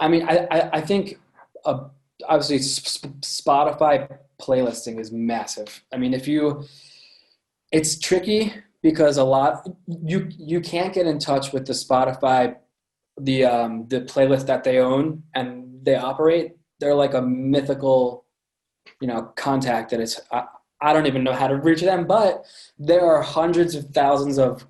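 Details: Adult man with a lifelong stutter present since birth; repetitions in this stretch; stuttering.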